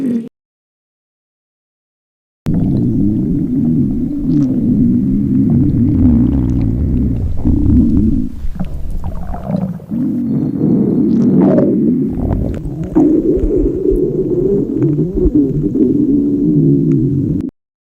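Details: Simulated in a fictional skit of a hungry girl during a school test: long, loud, low rumbling and gurgling stomach growl used as a sound effect; stomach growling (borborygmi).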